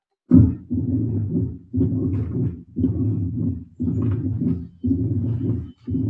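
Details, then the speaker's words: Mitral stenosis diastolic rumble: a low-intensity, low-frequency rumbling diastolic murmur heard after S2, in long repeated bursts at about 58/min. "o sofrem com flar dela é um sopro de baixa intensidade e de baixa frequência e ele é claro suco diastólico"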